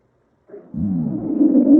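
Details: A low, gurgling, rumbling growl building over about a second from a female described as really hungry: empty-stomach growling.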